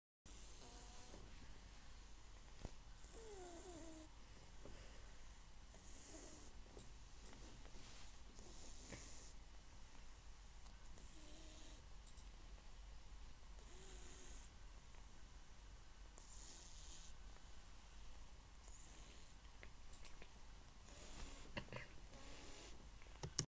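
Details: Snoring recorded in December 2019, before later medical treatment stopped it: soft, regular snuffling breaths with faint snoring on each breath over a steady low hum.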